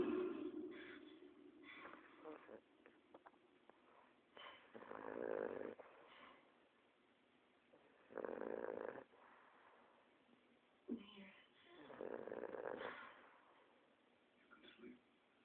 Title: My boston snoring with screams in background